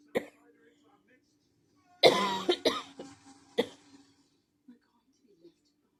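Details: Coughing fit: about five harsh coughs in a short run over a steady background hum with quiet gaps; person then excuses themselves, saying they will cough again.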